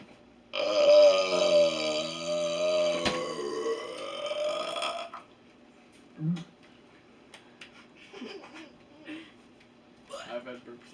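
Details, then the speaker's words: Deliberate burping between an adult and their nephew's school-age best friend: one long, loud, voiced belch of about four seconds, then quiet room sounds and faint movement. "had burps like that before. I couldn't hold it in. I was like about to, and I was about to open my mouth, and like next thing I was."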